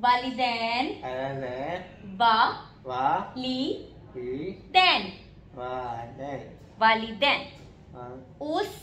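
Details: Child diagnosed with dysarthria, in a therapy session practising a slower speech rate, deep breaths before speaking and repeating sentences after the therapist. Finding: dysarthria.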